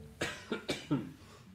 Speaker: Maybe you still hear it. Sometimes I have to cough. Also, I'm still a little bit sick, but I'm much better than last week.